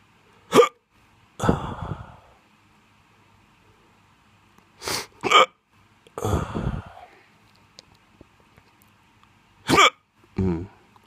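Sharp hiccup sounds, each followed by a brief voiced sigh, occurring three times over about ten seconds; repeated hiccups.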